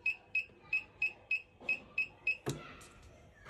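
Eight quick high-pitched beeps at a steady pace from a therapy ultrasound unit as intensity is raised, then a click; normal device operation.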